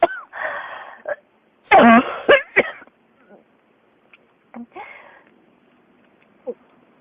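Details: Persistent cough: repeated harsh, partly voiced coughs in close succession, with wheezy, noisy breaths between them.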